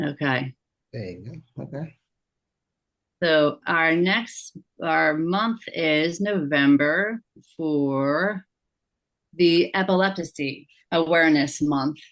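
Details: Aphasia in an adult woman, after a stroke or injury, with word-finding difficulty and paraphasias.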